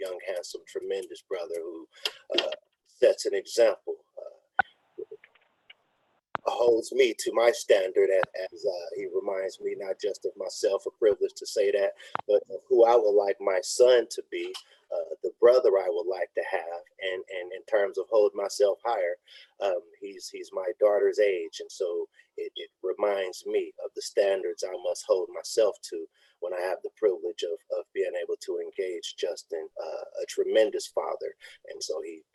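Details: Man who says he has a speech impediment, with a cause he states that is unintelligible in the transcript; real, unacted speech at a live online event: speech impediment (disfluency).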